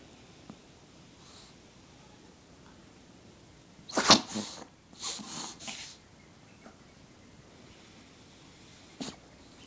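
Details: Chihuahua sneezing: a sharp, explosive sneeze, followed by a few softer snorting sneezes and a final small sneeze, in a quiet room.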